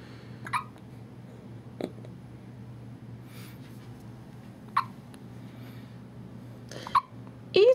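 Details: Hiccups in a 2½-week-old newborn boy right after bath time: four brief, sharp infant hiccups a few seconds apart in a quiet room.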